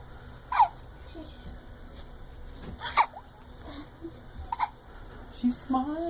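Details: Five-week-old infant girl: three brief, sharp hiccup sounds spaced a couple of seconds apart, with soft baby vocal sounds; infant hiccups.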